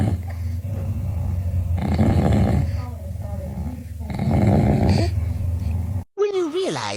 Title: When daddy snores , baby #cute #fouryou #funny #happy